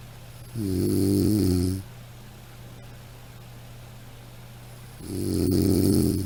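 Two long, buzzing, vibrating snores separated by a few seconds of quiet breathing; typical snoring.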